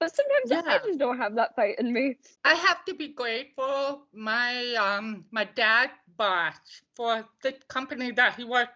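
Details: Deaf speech of an adult woman from the deaf community.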